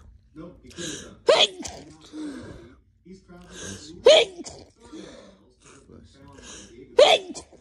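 Three loud sneezes about three seconds apart, each preceded by gasping in-breaths, with soft breathing and sniffing between.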